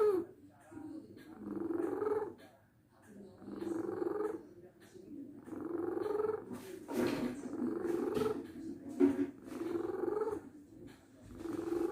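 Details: Sleeping deaf domestic cat named Kuku: soft rhythmic snoring, about 30 breaths a minute, with a low purring rattle on each breath; cat snoring.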